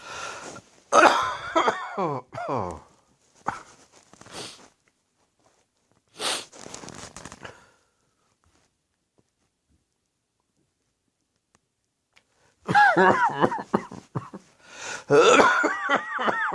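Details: A person coughing during their first, heavy cold of the winter with a sore throat: harsh, partly voiced coughing bouts.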